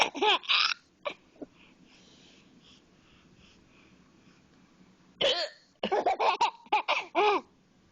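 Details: Mother's hiccups while her baby son sits on top of her and finds them hilarious: short, sharp voiced catches recurring in clusters, mixed with the infant's giggling.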